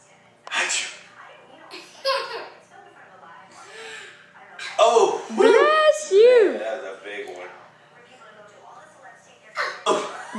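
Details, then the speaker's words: Pet bird imitating sneezes: short sneeze-like "achoo" bursts mixed with whistles and chatter, while a person says "bless you"; not a real sneeze. "Oh, goodness, you got the sneezes."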